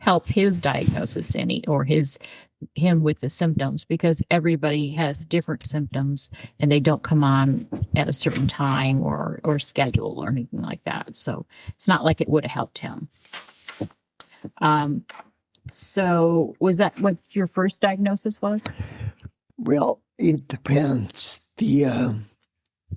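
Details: Adult woman speaking; typical speech.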